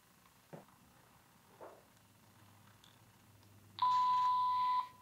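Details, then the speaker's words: Baxter Sigma Spectrum infusion pump air-in-line alarm during a training demonstration: a few faint clicks, then a steady high-pitched electronic alarm tone signalling air in the IV line, prompting roller clamp closure and line check. "is the other alarm that I want to talk to you about that can occur. I showed you the downstream and upstream occlusion alarms, this is an air and line alarm again it's saying close your roller clamp which I'll do, open the door to assess the IV line for air, and if necessary unload the set and remove the air."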